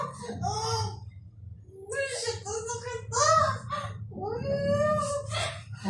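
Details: Thin, high, wavering newborn cries in short bursts over room talk: first cries of a big baby girl just after a normal vaginal delivery.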